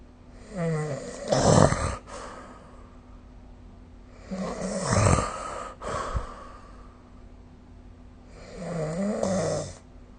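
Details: Three loud, rough, fluttering inspiratory snores at about 17 breaths a minute, with quiet room hum between them, recorded with a snoring-recording app during sleep: snoring.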